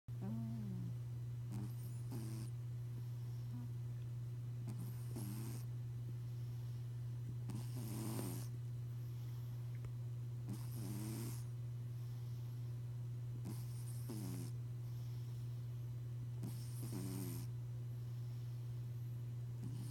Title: Benny Snore